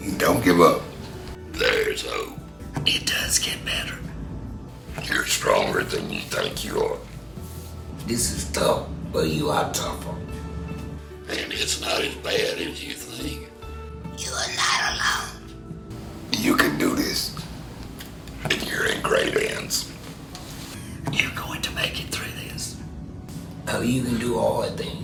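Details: Tracheoesophageal speech after total laryngectomy (removal of the larynx), voicing with a one-way silicone voice prosthesis that diverts air into the esophagus, whose tissue vibrates as the new voice source.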